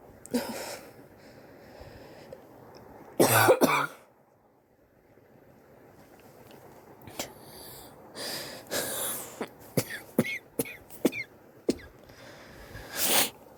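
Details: Adult's strong harsh cough, pause, then a cluster of short coughs and throat-clearing with noisy breaths; persistent cough over several weeks, self-suspected bronchitis, X-ray planned to rule out pneumonia.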